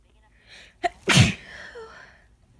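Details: Adult with an end-of-summer head cold, natural spontaneous sneeze: brief in-breath, sharp explosive burst, faint voiced trail; recording also includes coughing and nose blowing, background noise.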